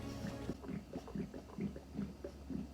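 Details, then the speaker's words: Stomach growling (borborygmi) from an adult who had not eaten enough before an evening adult ballet class: low, bubbling gurgles repeating about every half second, typical of an empty stomach. "I seriously think you don't want to go out to like a performance art opportunity thing when you haven't eaten a lot because my stomach makes you certain sound I'll let you hear it"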